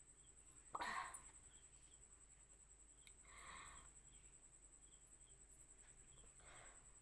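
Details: Sneeze provoked by chikni powder applied to the nose in a sneezing challenge, which left the nose burning: a single brief sneeze, then quiet breathy sounds, over background hiss.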